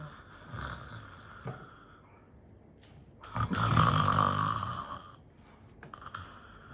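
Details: Adult pretending to sleep and snore to distract someone: staged, one loud rattling snore between quieter breaths; snoring.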